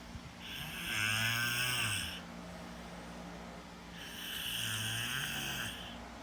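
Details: Two long snores, each with a low rattling note and a hissing whistle on the airflow, separated by quiet breathing; snoring.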